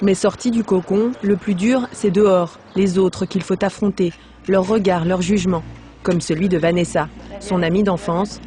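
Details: Adult narrator; Normal speech.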